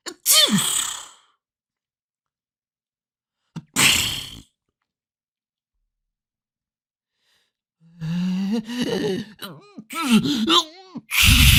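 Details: Recorded sound-effect clip of people sneezing: several separate hissing sneezes in differing styles, some with a voiced 'ah' intake before the explosive release; ordinary sneezing.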